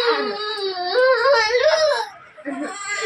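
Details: Child receiving an intramuscular injection in the waist/hip area: loud, wavering distressed crying with a brief catch of breath before it resumes.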